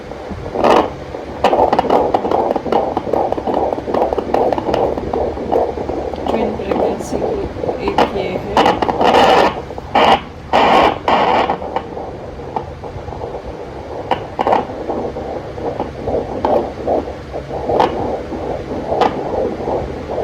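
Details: Fetal heart sounds on Doppler in a twin pregnancy at five months, uterine growth above the navel; two separate fetal heartbeats heard at different spots on the abdomen.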